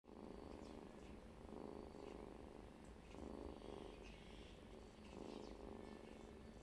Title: Original Sound of cat Snoring